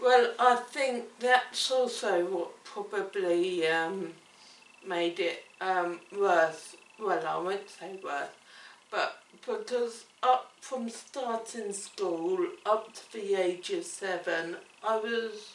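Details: Woman with cerebellar ataxia affecting her speech and coordination: ataxic dysarthria.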